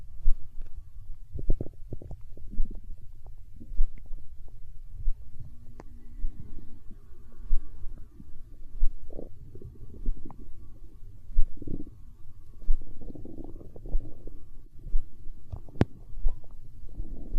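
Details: Hunger stomach growling recorded close up: irregular low gurgling and rumbling with bubbly pops; borborygmi.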